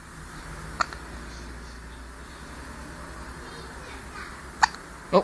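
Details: Hiccups in a little one: three sharp, brief hiccup bursts at irregular intervals over quiet room noise.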